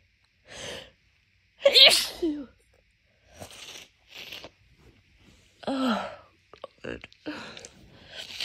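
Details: Repeated forceful allergy sneezes with sharp inhaled catches and sniffing between, on waking before morning meds, a daily pattern for the past month in allergy season with nasal congestion; phone resting on leg.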